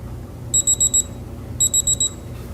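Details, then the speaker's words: Digital oral thermometer held under the tongue during a demonstration medical-school physical exam: two bursts of four quick high beeps over low room noise, signalling the finished reading; sublingual temperature 36.6 °C. "you're going to take your temperature with this so just hold this underneath your tongue until it beeps okay"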